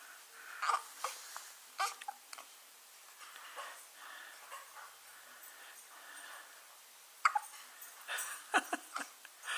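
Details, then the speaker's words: Soft, brief, sudden catches of breath from an infant boy, spaced irregularly over a few seconds, with quiet room sounds: hiccups. "What's up, little man? You got some hiccups? You got some hiccups?"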